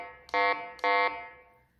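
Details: Two short, loud buzzer tones from the acoustic stimulator of a BT-220C fetal Doppler, used to wake the baby when the fetal heart rate reading is unstable.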